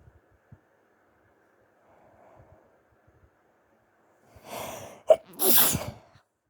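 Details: Adult at the tail end of flu, sneezing late at night while trying to be quiet: a rising breath, then a sharp, partly stifled sneeze with a noisy release.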